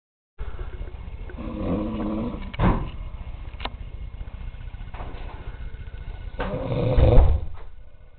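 Loud, rough, rattling snores over steady background noise from a sleeping man.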